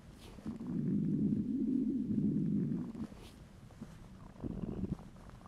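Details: Low gurgling hungry stomach rumble lasting about two seconds, then softer bubbling gurgles; normal borborygmi.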